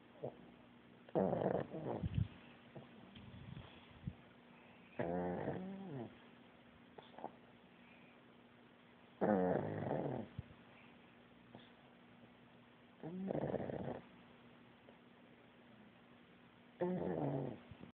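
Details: Pug dog snoring: loud, rattling snores about every four seconds, roughly 15 a minute, with snorty breaks; snoring.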